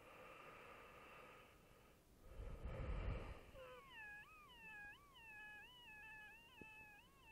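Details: Adult with obesity, high blood pressure and a history of SVT, lying flat on the back: high, musical wheeze rising and falling in steady pulses that match the heartbeat, occurring only in this position.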